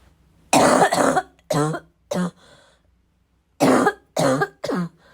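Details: Bad coughing fit, described as a little wheezy, a little chesty, barking: repeated harsh chesty coughs in short bursts with throat clearing and snorting.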